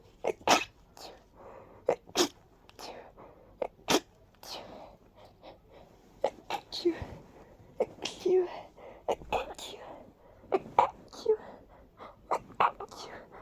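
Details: Rapid run of many small, breathy sneezes in quick succession with quiet room noise between, from someone with severe allergies who felt light-headed afterward; repeated sneezing.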